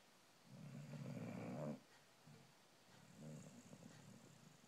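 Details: Snoring from a sleeping female pet dog, recorded in the dark.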